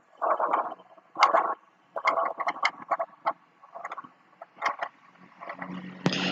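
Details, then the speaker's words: Rhonchi in a teaching example: coarse, rumbling, bubbling breath sounds in repeated bursts as air passes airway secretions. Described as coarser than other sounds and linked mainly to pneumonia. "o ronco ele determina assim uma quantidade de secreção então quando o ar passa tá o que que acontece ele passa pela secreção que tá ali na via aérea e gera esse barulho então que a gente caracteriza como ronco"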